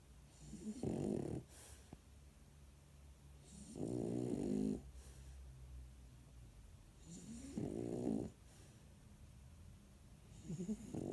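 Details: Sleeping French bulldog snoring, as it does every time it sleeps: slow, rumbling, fluttering breaths about every three seconds with quieter breathing between; snoring.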